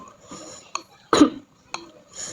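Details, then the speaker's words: Adult with cough and cold, sore throat and dizziness the day before, now slightly better while eating spicy noodles and taking medicine; a single harsh cough burst between brief throat sounds. "Hari ini aku tuh sakit e batuk pilek. Batuk pilek."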